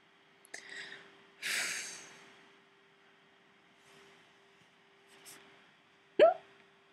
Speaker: I have the hiccups yep yes yeah yeah I get them all the time it sucks they might be gone yeah yeah I don't think they're going away anytime soon